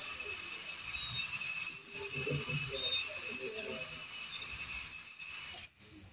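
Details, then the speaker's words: Steady high-pitched whine of a high-speed dental drill cutting tooth, with brief pitch dips under load and faint room noise, while a bur held head-on shapes an inclined-plane proximal finish beside a diastema in veneer preparation. "Entonces, en este caso, yo voy a tomar la fresa de frente y voy a provocar ese plano inclinado hacia atrás."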